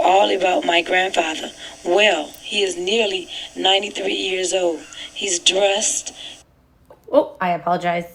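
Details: 62-year-old woman with vocal fold nodules, overall severity rated just above moderate; hoarse, breathy, strained voice while reading the grandfather passage; vocal fold nodules.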